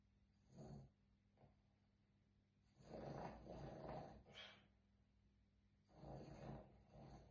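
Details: Boston terrier sleeping while camping snores loudly, "like a big dog": rough, rattling snores in irregular bursts with a brief snort between them; snoring.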